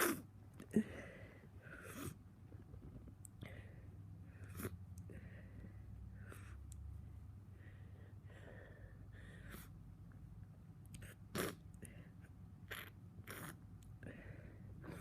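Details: Congested, blocked-up person making quiet, repeated forceful nasal sniffs with a few short sneeze bursts; sneezing.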